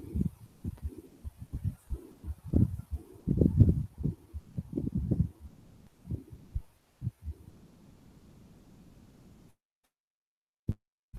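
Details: Mitral regurgitation murmur played in a cardiology teaching seminar: a pansystolic murmur heard at the apex.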